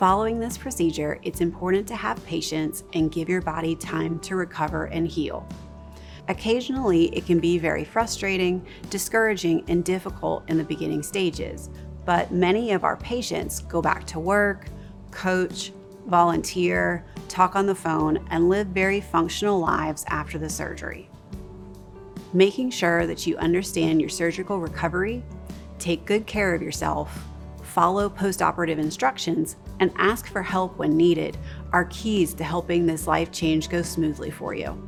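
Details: Adult female speaker narrating over background music; typical speech.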